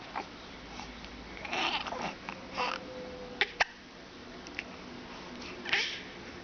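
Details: 11-week-old infant: quiet room with soft infant sounds and a few sharp, brief jerky catches; infant hiccups.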